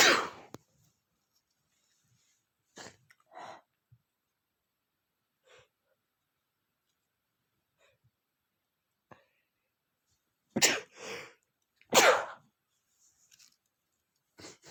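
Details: Several sharp, explosive sneezes, some preceded by quick inhalations, separated by silence; repeated sneezing attributed to flower allergy.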